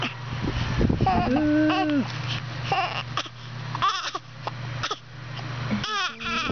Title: crying (1 month and 14 days old)